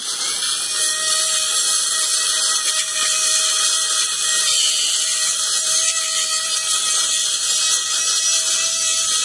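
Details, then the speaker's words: Steady high-pitched whine of a straight dental handpiece with round burr removing buccal bone, with saline spray hiss, during surgery on a radiolucency near vital tooth 18 (37). "A round burr attached to a straight handpiece is used to remove buccal bone. Nu larmer det, der kommer saltvand."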